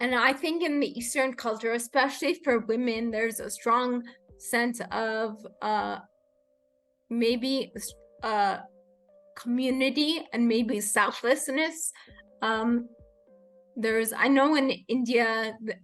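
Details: Adult woman with rare degenerative cerebellar ataxia of unknown cause, diagnosed as a pre-teen; slurred speech began in early teens, improved with speech therapy, and worsens with fatigue or emotion; ataxic dysarthria.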